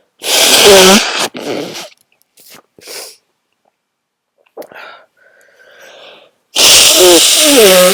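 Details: Two loud, explosive, voiced sneezes, strong enough that announcing them was hard, with quieter breaths and sniffs between; sneezing.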